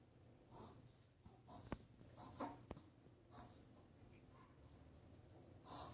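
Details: Dog with a severe reverse sneezing episode: brief, snorting, wheezy inward breaths through the nose.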